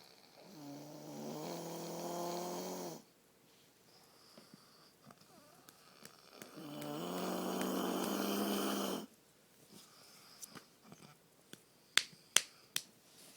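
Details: Adult man (husband) asleep, two long low buzzing snores on breathing in, about six seconds apart, quiet pauses and a few clicks between; habitual snoring.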